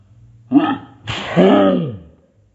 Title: Me sneezing: slowed 50 %